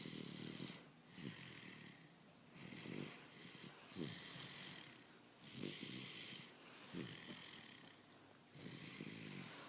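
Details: Jason snoring during an afternoon nap: soft, regular rattling noises on each breath, about five in ten seconds, with a hissing background. Light snoring.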